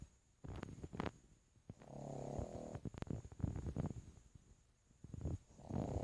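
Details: Low snorting and fluttering breaths with rumbling noises during sleep; a pug snoring.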